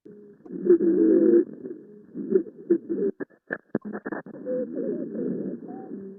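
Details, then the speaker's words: Child aged about 10 or 11 breathing about 46 a minute, heard through an Eko stethoscope. Musical, whistling wheezes persist despite 8 mg IV Decadron and a nebulized albuterol-ipratropium treatment, with visible retractions. Wheezing. "and he was still breathing 40 something times per minute he was still having audible wheezing"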